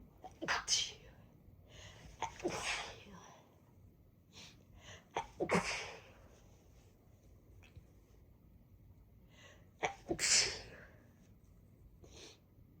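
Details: Series of sharp, forceful sneezes with short breaths between, triggered by chhinkni snuff placed in a blocked right nostril of a congested person; later just sniffing the bottle set them off: sneezing.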